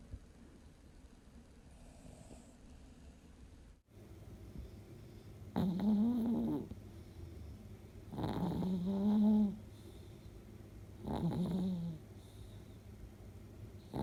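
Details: 10-year-old Chihuahua–Shih Tzu mix dog sleeping with tongue sticking out: three loud, rough, buzzing snores on slow breaths, about two per ten seconds, quiet gaps between; snoring.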